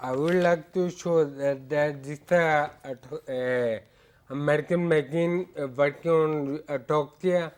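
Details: Ataxic dysarthria in a male patient with hereditary ataxia for about eight years; ataxia described as affecting his speech.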